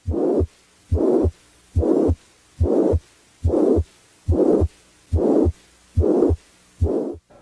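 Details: Regular heartbeat near 71 a minute with a steady murmur of the same intensity throughout, filling the gap between the two heart sounds: a plateau murmur.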